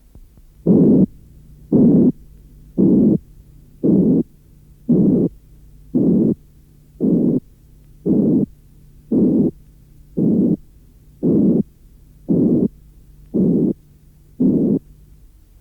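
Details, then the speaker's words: Simulated harsh, rasping murmur made from a 180–460 Hz frequency band, resembling the murmur of aortic or pulmonary stenosis. "Si l’on prend une bande comprise entre 180 et 460 Hz, on obtient un souffle râpeux, comme celui que l’on peut entendre en cas de sténose aortique ou pulmonaire."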